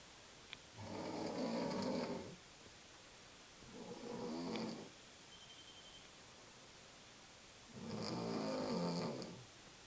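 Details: Adult woman snoring: three rough, vibrating snores at a slow, uneven pace, with quiet pauses between them in a quiet room.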